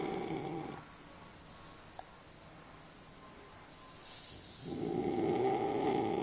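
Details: Sleeping bullmastiff dog snoring: two loud, rough, rattling snores separated by a quiet pause while it breathes in.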